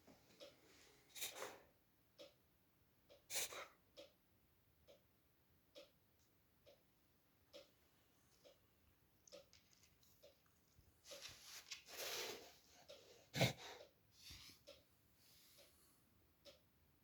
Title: Reverse sneezing